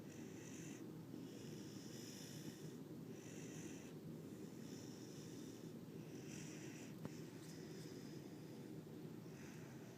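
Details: Husky puppy, very tired in the morning, sleeping and snoring loudly with soft, regular, hissing, rasping breaths over a steady low hum.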